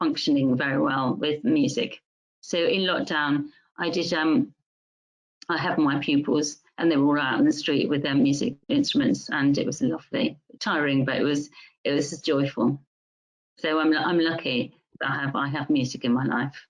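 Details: Music teacher diagnosed with mixed primary progressive aphasia; primary progressive aphasia (mixed type).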